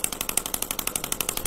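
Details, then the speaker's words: Shockwave therapy device on a patient's elbow for tennis elbow (lateral epicondylitis), applied with ultrasound gel around the tendon attachment points, which may be tender. Rapid, sharp tapping pulses at about eleven a second. "know delivering that ultrasound wave into the tissue allowing things to break up and then repair mechanism to get reactivated and jump started"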